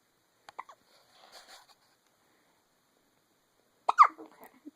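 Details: Eight-day-old newborn boy with hiccups: sharp, abrupt little catches of breath, common and harmless at this age.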